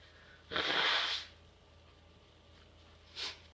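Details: Sneeze in a person in a quiet room, filmed in a series of sneezes: a single forceful, hissing sneeze burst followed by a brief sniff, with quiet room hum behind.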